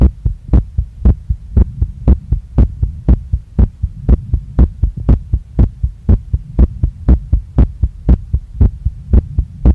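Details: Female heartbeat recorded right after a workout, felt strongly in chest, neck, face and stomach with visible chest movement: fast, regular, strong thumping at about 120 a minute over a steady hum; rapid heartbeat after exercise.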